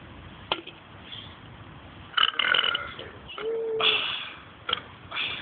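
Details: Two people holding a voluntary burping contest: long, low, drawn-out belches over a noisy background.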